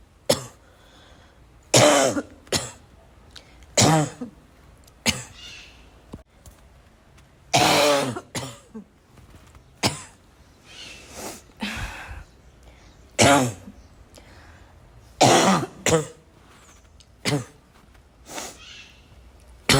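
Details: Persistent, irregular coughing fit about 30 per minute, mixed with throat clearing and snorting throughout; the person says they can't stop coughing.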